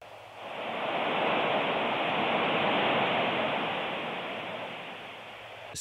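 Steady, soft rushing noise that slowly rises and falls like ocean swells: a hearing aid relaxation sound for tinnitus relief.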